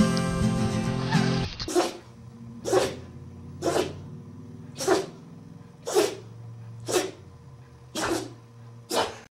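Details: Dog sneezing: about eight short, sharp, hissing bursts, roughly one a second, over background music.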